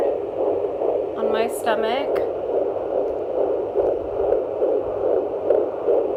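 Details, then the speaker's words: Home fetal Doppler (FIGERM JPD-100S6) used by the mother at around 20 weeks of pregnancy: rapid, rhythmic whooshing pulses of the fetal heartbeat, about 145 beats a minute. "but yeah that's how you listen to your baby's heart rate at around 20 weeks on a fetal toddler"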